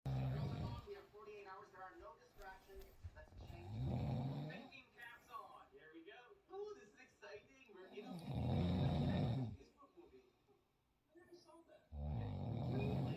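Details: Adult woman's snoring, said to sound like a diesel engine: deep, rumbling snores every few seconds, with talking heard between them.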